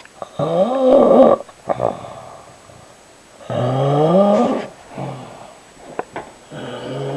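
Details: A husband who claims he doesn't snore, snoring: loud, irregular, rumbling snores with a groaning voiced quality and snorts in a quiet room.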